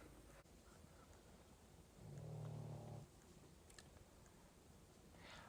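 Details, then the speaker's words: Pug snoring under a desk: one soft, low, rumbling breath with a fluttering buzz in a quiet room. "my Pug is underneath my desk snoring right now so if you're wondering what that sound is that is what you're here you"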